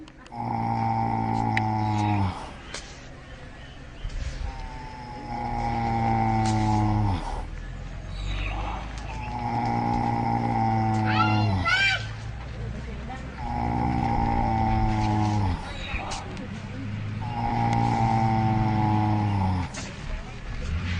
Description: sleeping and snoring / schlafen und schnarchen :)